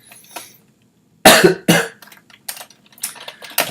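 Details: Adult streamer with an ongoing cough during a live coding stream: a loud double cough followed by several smaller coughs and throat noises; repeated coughing.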